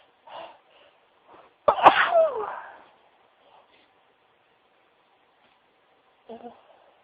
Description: This is a wav of me sneezing into tissues as suggested by a special friend of mine - thanks lots hun x